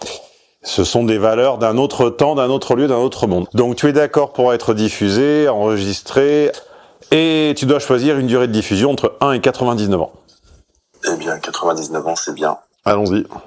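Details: Adult male speaker, conversational French; normal speech.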